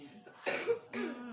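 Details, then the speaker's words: Cough in a goat being given cough medicine: two short, harsh coughs, the second slightly voiced and hoarse, with quiet room noise between them. "Batuk ya? Iya, batuk."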